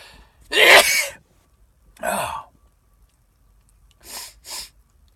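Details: Two loud sneezes, each with a sharp inward catch and forceful burst, then two softer sniffs; sneezes brought on by sniffing cayenne pepper off a Q-tip.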